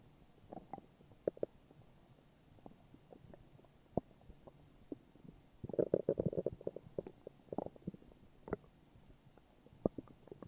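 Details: Morning stomach growling: soft gurgles and brief squeaky rumbles, with a longer burst midway; ordinary stomach growling from normal gut movement.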